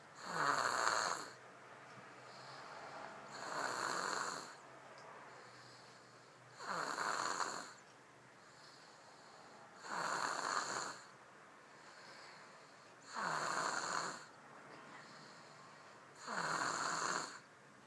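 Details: Snoring: loud, regular snores recurring about every three seconds, six in all, with quiet exhalations between.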